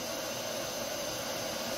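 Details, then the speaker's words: Breas Vivo 3 ventilator just started during set-up: steady whooshing airflow with a constant high whine; no distinct breath cycles stand out in this short stretch. "press start it'll take a little while and you'll hear the Machine works"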